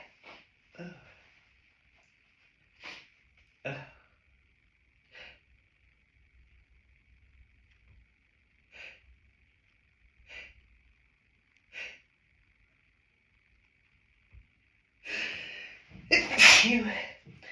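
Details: Adult woman with hay fever (allergic rhinitis), after stifling sneezes outdoors, hiding in a toilet cubicle: a string of short sharp nasal bursts and sniffs, then a loud full sneeze, a sneezing fit.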